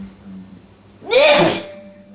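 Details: A sneeze from a child with asthma, attributed to allergic rhinitis; a cat lives in the home, a potential allergen.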